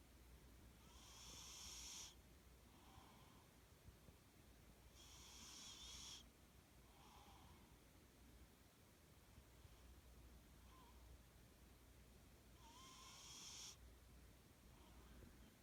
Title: My cat snoring!